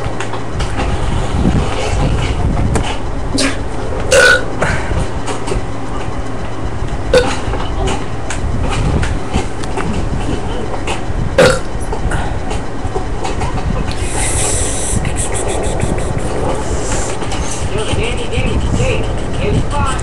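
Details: Child burping repeatedly: long, low rumbling belches over the stretch, with noisy background and occasional sharp knocks.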